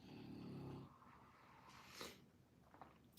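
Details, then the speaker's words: Dog asleep on a couch behind the phone, snoring: a loud, rattling low snore followed by quieter snuffling breaths in a room. "can you guys hear uh Winston snoring on the couch behind the phone he's full on he's full on old man got his spot and is rocking the Snore"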